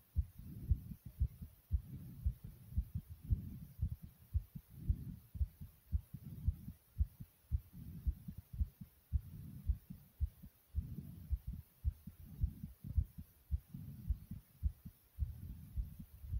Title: Soft Pounding Heartbeat Sound ❤